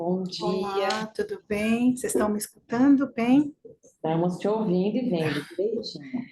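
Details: Adult women speaking Portuguese over an online call; normal speech.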